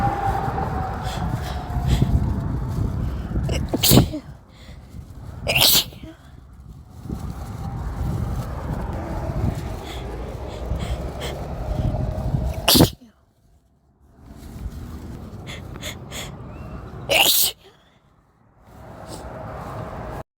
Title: Some sneezes (a bit desperate at the end)